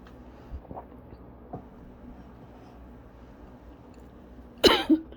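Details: A short double cough in a quiet room from a person with cough-variant asthma, a lingering cough after bronchitis a couple of weeks earlier.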